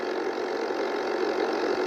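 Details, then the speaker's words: A person's nebulizer compressor, whose sound they have fallen asleep to since childhood, gives a steady mechanical hum with an unchanging low buzzing drone: nebulizer compressor running. "no sé por qué pero desde pequeño los sonidos en un nebulizador o sea ya me hacían dormir"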